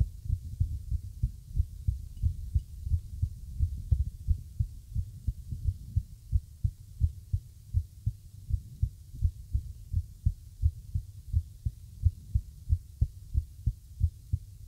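Low, dull heartbeats at about 88 a minute with uneven spacing between beats, fitting an irregular rhythm.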